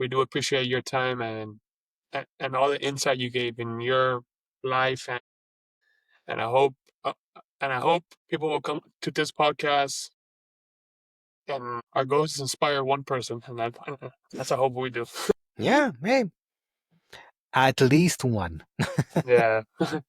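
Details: Adult man who has stuttered since age 4, with a stutter that goes up and down and that he lets happen rather than hiding it; stuttering.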